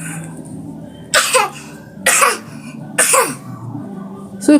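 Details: Child gives three short, deliberately forced coughs to get medicine after an adult insists the child is not sick; a voluntary, fake cough.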